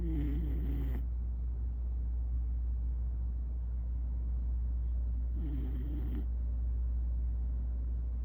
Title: Napping beagle snoring loudly in daddy’s lap.